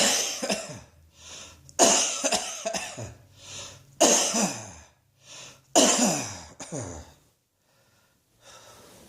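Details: Four harsh coughing bouts, each followed by a short gasping in-breath, then quiet breathing at the end; cough.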